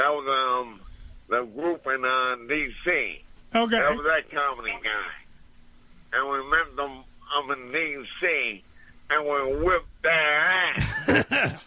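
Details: Adult man with two strokes, voice lost after the second, treated by a speech pathologist with word repetition, about two years before returning to the stage: post-stroke speech impairment.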